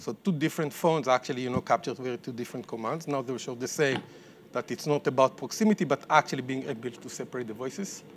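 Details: Adult male speaker; normal speech.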